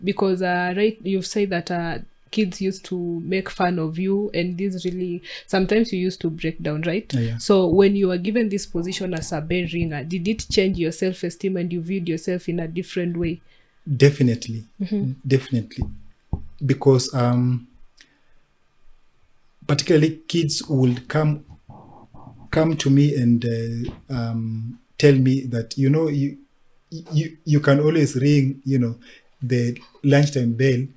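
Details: Adult man who stammers; stuttering.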